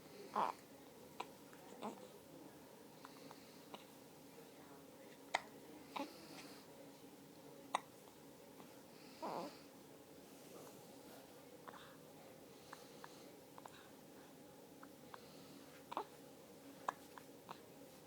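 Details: Hiccups during attempts at breath control: several short, sharp, irregularly spaced gulping catches in a quiet room.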